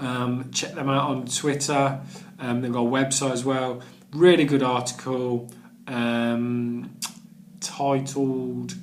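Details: Adult man who stammers and has done the Starfish Project stammering course; word and phrase repetitions; stuttering.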